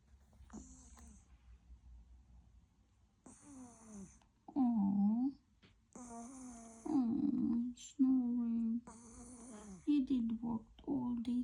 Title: black cat snoring #animals #catshorts #pets #familyfriendly